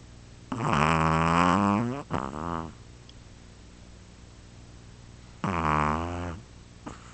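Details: Two loud, tonal, rattling snores on the in-breath, each trailing into a shorter sound, in a quiet room; snoring.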